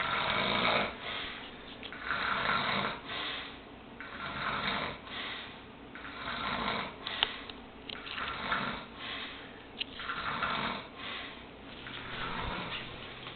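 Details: Steady, repeated rasping snores, about ten breaths in thirteen seconds, each breath harsh and fluttering: snoring.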